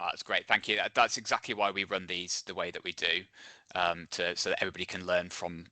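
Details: Adult man speaking; Normal voice.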